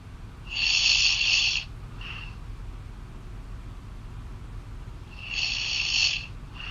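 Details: Girlfriend snoring loudly, heard over a phone call: two loud, harsh, buzzy snores several seconds apart, thinned by the phone line.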